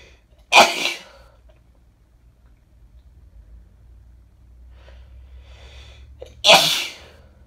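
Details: Two loud, sharp sneezes about six seconds apart, with a quick breath before the second; repeated sneezing from bad summer hay fever in a female.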